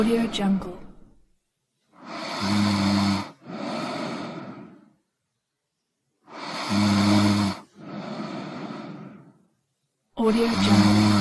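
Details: Slow, loud snoring with a rough rattling breath in and a softer breath out, about 15 breaths a minute, with pauses between; snoring.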